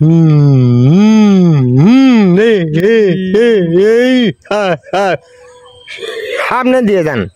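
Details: Adult male performer imitating a stutter; stuttering (acted).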